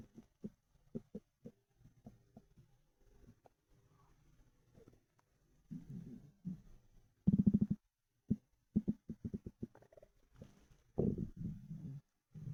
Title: Ravenous stomach rumbles